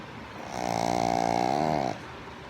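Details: A pug in deep sleep gives one loud, buzzing, vibrating snore lasting about a second and a half: snoring.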